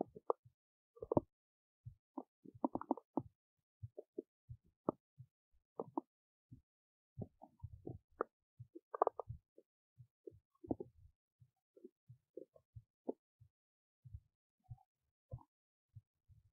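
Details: Belly noises recorded while digesting oats: frequent short gurgles, pops and squelches over a quiet background, ordinary bowel sounds (borborygmi).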